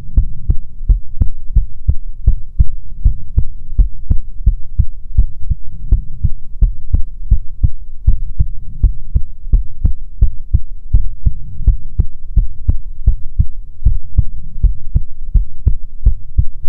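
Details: ASMR heartbeat recording: loud, steady, fast run of evenly spaced deep heart thumps with a low hum underneath.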